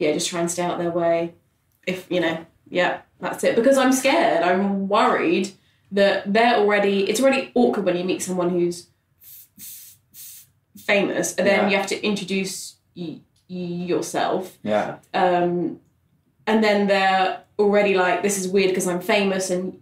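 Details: Adult man who has stammered since childhood, for about 25 years, speaking in conversation; stuttering.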